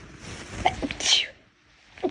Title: Girl sneezing 10